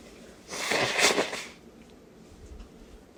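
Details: Muffled, congested, drawn-out single sneeze, followed by quiet breathing, in an old recording; the person may have been sick at the time.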